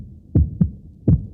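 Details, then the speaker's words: Healthy heart sound played in a radio advertisement: low, clean lub-dub thumps with no extra sounds between them, a normal heartbeat. "This is the sound of a healthy heart but a heart that needs help needs a team that can act fast."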